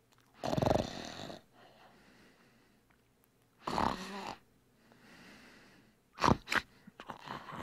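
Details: Loud rattling snores on each in-breath about every three seconds, quieter breathing between, snorting catch at the end; snoring sound effect.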